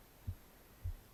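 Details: Normal heart sounds of an adult reader, recorded from the left side of the chest during relaxation reading: two soft, low thumps about 0.6 seconds apart, a steady heartbeat near 100 beats a minute.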